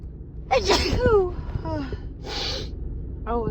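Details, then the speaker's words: A woman's forceful, huge, wet, tickly sneeze then another, outdoors while running errands, voices around; she suspects allergy to something in a newly moved-to area; sneezing. "I can't stop sneezing today oh oh wow my nose just oh it's not tickling excuse me oh goodness"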